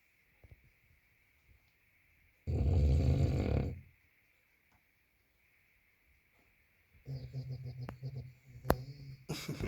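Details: Bulldog snoring while sleeping: low rumbling, fluttering snores in bursts with quiet pauses between them.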